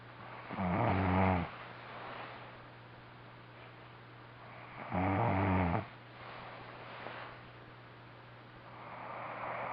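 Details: Snoring from a sleeping adult friend: two loud, rough, low snores on breathing in, about 5 seconds apart, with quieter breathing between them.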